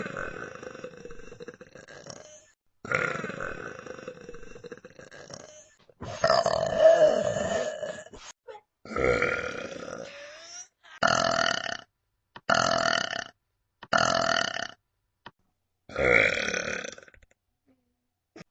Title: Burps !